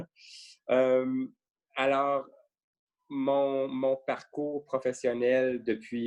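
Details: French-speaking man who stutters, mild to moderate depending on circumstances and the day, with repetitions and blocks; stuttering.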